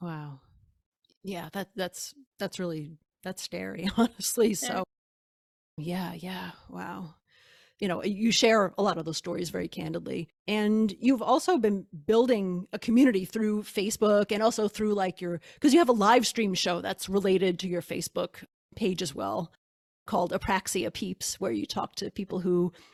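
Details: Adult woman speaking; normal speech.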